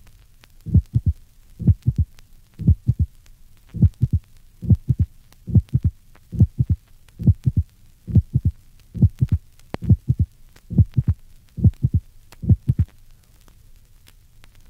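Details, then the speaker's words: Opening snap of mitral stenosis in a patient, 1965 auscultation teaching recording: regular heartbeat near 68/min with a loud, sharp first heart sound and a crisp extra click (opening snap) after the second sound. "listen to the opening snap in a patient with mitral stenosis also note the loud and sharp first heart sound"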